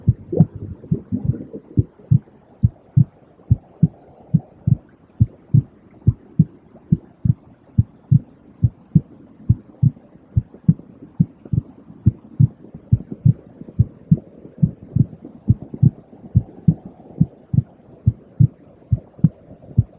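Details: Normal heartbeat as a relaxation or sleep sound: steady, regular, calm low thumping with a soft hum behind it.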